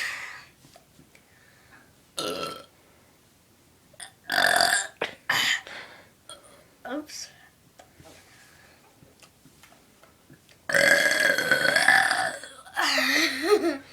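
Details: Repeated short belches and one long, loud, wavering belch, with small gulping sounds between them; deliberate burping.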